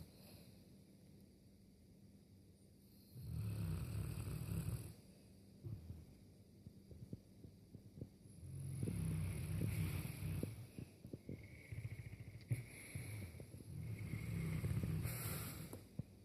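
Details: Two boerbol dogs fast asleep on their beds in the lounge, snoring away: deep, low rumbling breaths rising and falling over several cycles in a quiet room. Snoring.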